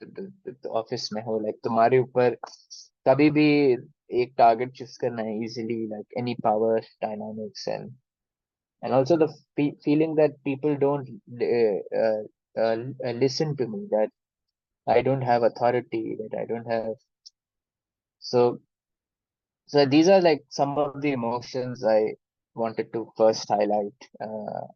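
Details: Stuttering in an adult man who has stammered since childhood; he calls it minor and says he can often hide it; speaking Hindi.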